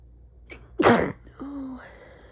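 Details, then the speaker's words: Adult with a cold sneezing at midnight: a short breath in, then a sharp, held-back sneeze burst and a brief voiced sound afterward, with a partner commenting that it sounds painful; a stifled sneeze. "They sound painful. They're hard this time. Yeah. I don't think your body wants you to stifle."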